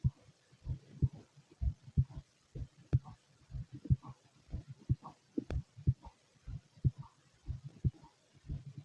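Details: Normal heartbeat: steady, dull lub-dub heart sounds at about 62 beats a minute with faint background hiss.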